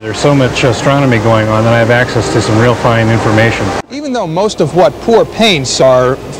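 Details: Adult male speech; ordinary speech.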